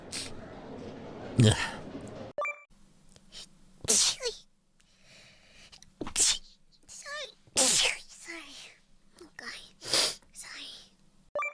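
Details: Compilation of sneezes from several different streamers: a series of sharp, loud sneezes cut one after another, with brief talk and a faint background hum; ordinary sneezing.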